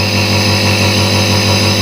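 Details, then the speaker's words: Omron nebulizer compressor switched on for cough or asthma nebulizer therapy, with the mist building gradually: a loud, steady mechanical hum with a buzzing tone. "setelah ditutup sampai rapat kita Nyalakan alat nebunya kita Nyalakan ini omronnya ini nih tombol on off nya di sini ya tuh nah dia udah bergerak ini secara otomatis akan mengeluarkan apa uapnya"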